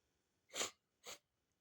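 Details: Sneezing: two quick hissing nasal bursts, a sneeze followed by a softer sniff-like burst.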